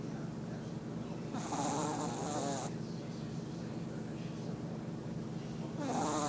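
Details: Snoring during a nap: loud, rattling snores on each in-breath, roughly every four to five seconds, against steady background noise.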